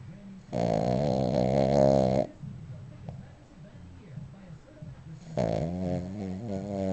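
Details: Sleeping dog snoring loudly: vibrating snores on each breath, about two seconds long and roughly five seconds apart; snoring.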